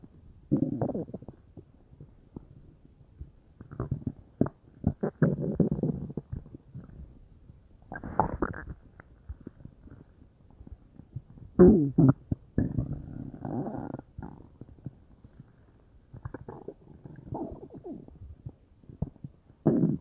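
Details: Bowel sounds (borborygmi) from a person's belly, unsure whether stomach or intestines, whole belly felt bubbly: irregular bubbling, gurgling rumbles in bursts with quiet gaps, gas and fluid moving through the gut.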